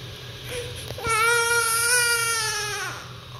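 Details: Newborn baby, sucking reflex producing the "neh" sound: a short "neh" whimper, then a sustained nasal cry; hunger cry.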